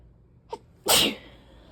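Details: A brief intake of breath followed by one forceful, hissing sneeze, one of repeated sneezes with much mucus while trying to sleep; sneezing.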